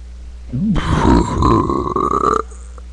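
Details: Boy deliberately burping, reporting an upset stomach and tiredness: one long, loud, rumbling burp lasting nearly two seconds.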